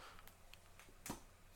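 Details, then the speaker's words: Adult powerlifter with hip pain, snapping his hip on purpose, right side only, not the left: a single sharp, dull snap in a quiet room; snapping hip. "you could probably hear that yep see i'm my hip is snapping right there right snapping hip"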